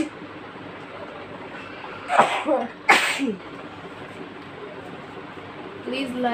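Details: Sneezing fit, apparently induced with chikni powder: two forceful sneezes in quick succession, then a third beginning, with voiced catches.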